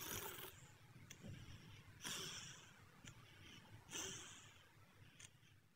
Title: How cats fall asleep by snoring1|Cute Compilation of Cats Snoring While Sleeping|Normal pet